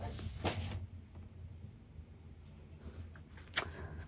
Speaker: My son just sneezed very loudly. Hope you can hear that. His allergies are also messed up.